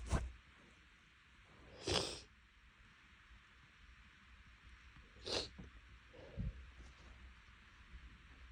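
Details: A sneezing fit from a person whose nose had been tickly for a couple of days, possibly from something inhaled while making lunch: three or four sharp, hissing sneezes at irregular intervals with quiet breathing between them.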